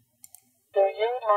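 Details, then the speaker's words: Cochlear implant simulation for a woman with single-sided deafness (implant in one ear, normal hearing in the other): soft clicks, then a brief buzzy, metallic-sounding processed voice; she notes the implant sounds slightly more metallic. "there seems to be just a little bit more of a metallic sound to the CI"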